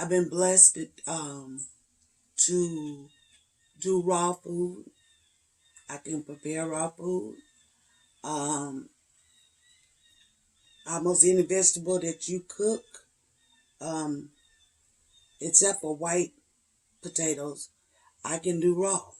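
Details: Adult woman with spasmodic dysphonia and voice tremors, a little over two weeks after her latest neck injection treatment (given every three months); hard time getting words out; spasmodic dysphonia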